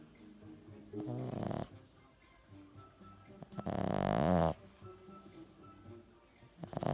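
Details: Two loud fluttering rattles on the in-breath, several seconds apart, from a French Bulldog over faint music: snoring.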